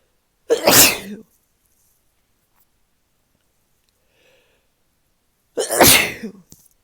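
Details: Morning sneezing in someone who woke up this way and thinks they are sick again: two loud, explosive sneezes about five seconds apart, with quiet between them.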